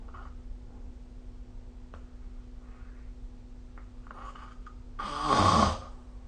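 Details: Quiet breathing against a steady room hum, then one short, loud, rattling snore during sleep, recorded with the SnoreLab phone app; snoring.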